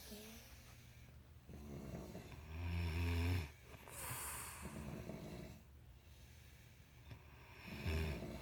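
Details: Two sisters snoring: loud rattling, low vibrating snores every few seconds, with a second quieter snorer and faint room noise.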